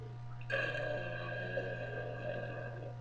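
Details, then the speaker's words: Deliberate burp in a burping contest: a single long, loud, drawn-out burp over a steady low room hum; voluntary belching. "oh okay well this is a contest anybody that can beat me we'll figure something out but anybody just comment on mine if you think you can beat me we'll have a burping contest and see what's going on"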